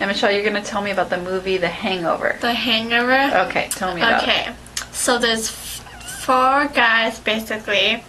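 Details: Adult speakers in a therapy session (therapist prompting, patient beginning to answer); normal speech.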